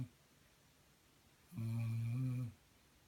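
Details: Snoring: a single low, droning snore of about one second in a quiet room.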